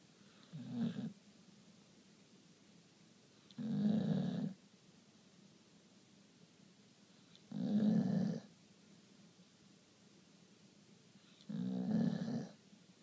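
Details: Pit bull dog snoring while asleep: low rattling snores on each breath in, about 15 a minute, with quiet pauses between; ordinary snoring.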